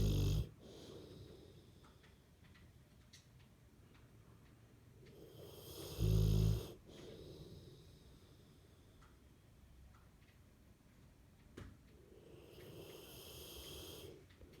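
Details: French Mastiff dog snoring: slow cycles of soft breathing, with a few loud, low snorting snores in between.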